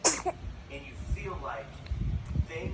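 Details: A single sharp, hissing sneeze on camera, followed by quiet voices and room noise; sneeze.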